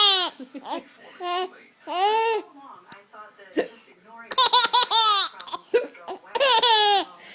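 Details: A mother's hiccups.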